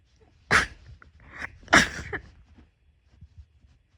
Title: sneeze 7